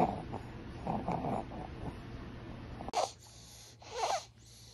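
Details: Coarse, rattling snore-like upper airway noises (roncos) in a child, reflecting partial upper airway obstruction; pediatric demonstration contrasting snoring, stridor and wheezing.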